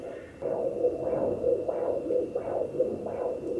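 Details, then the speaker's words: Home fetal Doppler picking up the mother's own heartbeat: rhythmic whooshing pulses over a steady hum, about 90 a minute. It is slower than the fetal heartbeat, which is almost double. "so this is her heartbeat which is what we heard last time it went away that's me"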